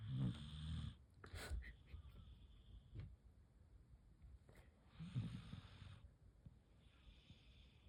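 Low rumbling snores from a sleeping dog, two clear snore sounds with quieter breathing between; ordinary snoring.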